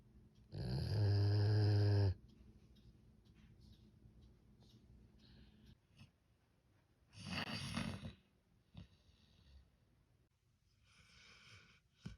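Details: Male and female dogs snoring in their sleep: loud rattling snores, one long and one shorter, with quieter breathing between them.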